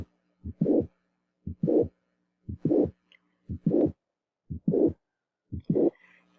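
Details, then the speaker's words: Teaching recording of a mitral valve prolapse murmur, causing mitral insufficiency. Regular heartbeat near 59 a minute: first sound, second sound, a slight gap, then a late blowing murmur, which is described as late diastolic. "usted va a escuchar al final de la diástole este es otro el primer ruido segundo ruido un leve espacio y el soplo"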